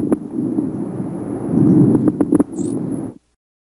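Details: Stethoscope breath sounds with scattered low-pitched, bubbling pops, from airways snapping open: coarse (low-pitched) crackles.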